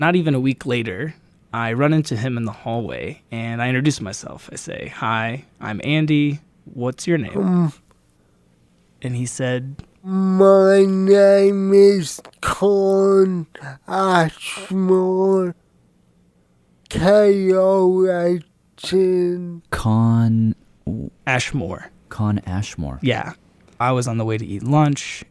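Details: Dysarthria with very slow speech and movement after a traumatic brain injury from being hit by a car at age 8, followed by a 5-month coma; male speaking.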